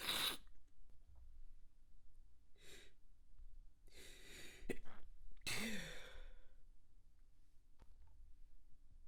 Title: Extremely Wet Stifled Sneeze Fit